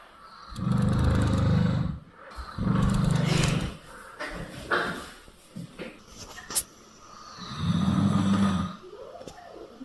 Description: El abuelo causa un terremoto con sus ronquidos.